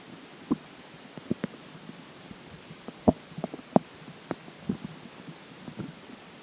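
Scattered soft pops and short watery gurgles at irregular intervals over low background noise. Ordinary stomach gurgling after drinking water.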